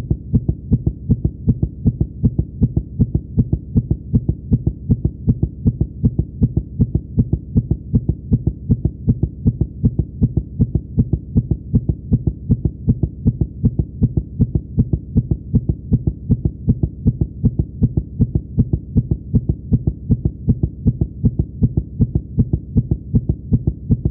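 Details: A fast-heartbeat sound effect, very regular low thumps at about 158 per minute, presented as a stethoscope hearing a cartoon character's excited heartbeat; not a real recording.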